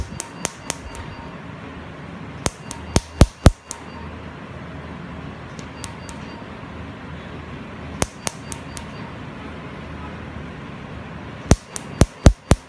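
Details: Laser tattoo removal session at a dermatology clinic, patient told to expect slight stinging: bursts of sharp snapping clicks in quick succession over low room hum, tattoo removal laser pulses firing.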